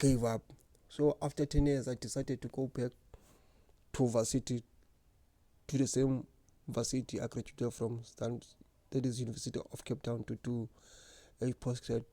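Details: Stuttering in an adult man who has stuttered since grade 1 or 2.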